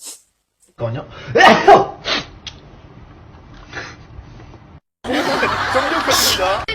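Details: Sneezes from K-pop idols: short explosive sneeze bursts cut between different people, with laughter and chatter around them.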